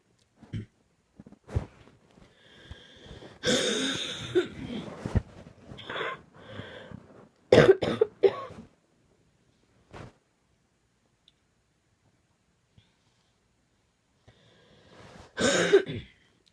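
Repeated harsh coughs in clusters with breaths between and a pause before another burst: a coughing fit.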